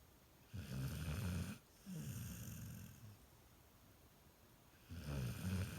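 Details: Golden retriever puppy snoring: low rumbling snores on each breath with quiet pauses between, in a small room.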